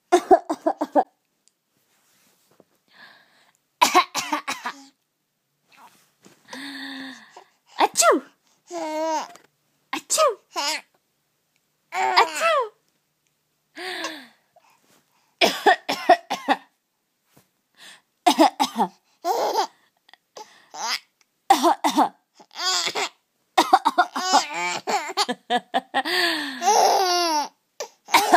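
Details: Young boy coughing on purpose because he thinks it's funny: short, deliberate voluntary coughs mixed with playful babbling and laugh-like vocal sounds.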